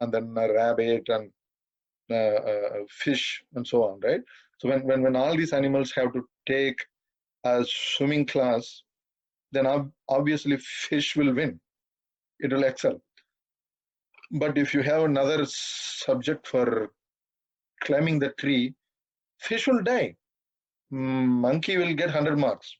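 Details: 42-year-old man who has stammered all his life, stammering occasionally while speaking; stuttering.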